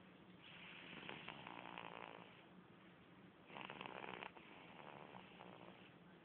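Soft, rattly snoring sounds from a sleeping baby, two louder bursts over about six seconds; ordinary snoring.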